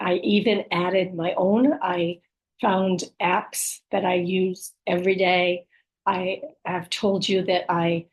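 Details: Adult woman with aphasia, apraxia of speech and dysarthria after a stroke, in speech therapy during recovery, speech sometimes hard to understand; aphasia with apraxia of speech and dysarthria.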